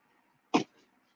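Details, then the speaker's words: Adult male (father) pet mouse in a cage, seen sneezing or coughing: a single brief, sharp, sneeze-like snort in a quiet room; abnormal respiratory noise. "Yeah, because I could still hear him doing his thing. When I watch him, he looks like he's sneezing or coughing."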